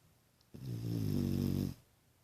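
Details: Pet dog snoring in a quiet room, a single deep, vibrating snore lasting just over a second; owner says she snores hard and seems exhausted.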